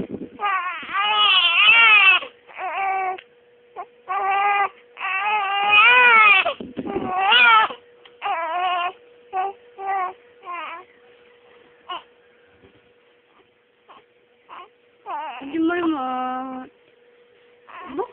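A baby cries in loud, high wails with gasping pauses and shorter sobs, over a faint steady tone in the background.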